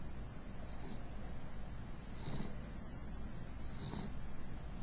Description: My mixed beagle Princess snores when she sleeps.